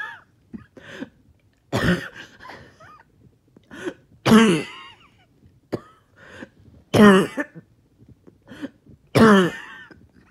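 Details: Four harsh, strained coughs with gasping and throat-clearing between them; a choking cough with labored breathing after a 20-minute morning walk or workout.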